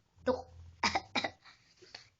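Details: Young boy, sick with a cough: two or three short, wet-sounding coughs, faint room noise.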